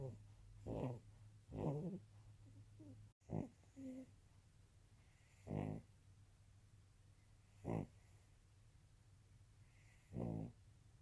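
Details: Snoring from Big Guy, a Maltese dog, in deep sleep; snoring.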